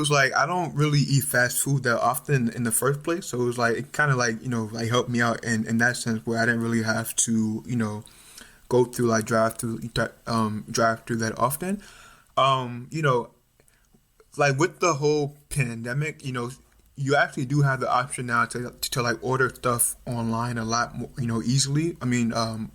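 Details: Stuttering in an adult male medical student; it became more pronounced around age 6 or 7, his mother and uncles also stutter, and it is now more overt, with blocks and facial tension.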